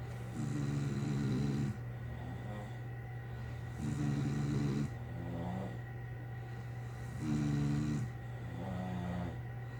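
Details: Two people snoring alternately in synchrony: regular buzzing snores about 20 a minute with softer alternating snorts between them, over a low steady hum.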